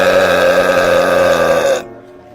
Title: Ranking Best Burps #shorts #ranking